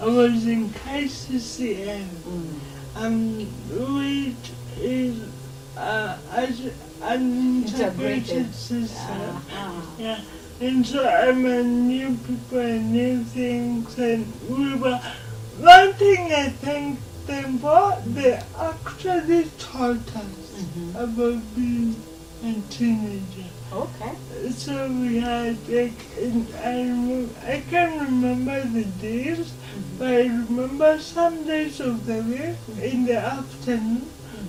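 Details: Speech impairment (dysarthria) in a 26-year-old woman with lifelong cerebral palsy, who learned to talk much later than other children.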